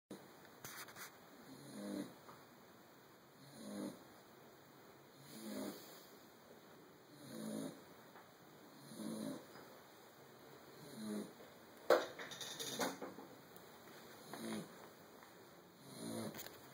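Regular soft snores about every 1.8 seconds, roughly 33 breaths a minute, with steady background hum; ordinary snoring during sleep.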